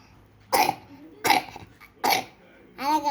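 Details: Three short, sharp coughs from a child, followed by a brief voiced sound: cough.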